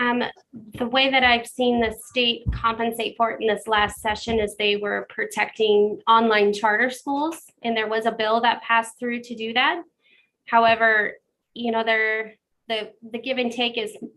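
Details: Adult woman speaking; Normal speech.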